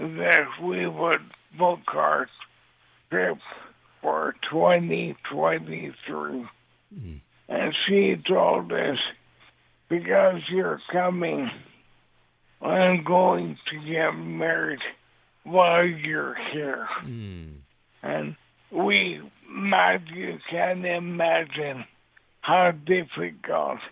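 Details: Dysarthria in an adult man living with ALS since 2014; his voice is affected by the disease, and he also uses a synthesized voice.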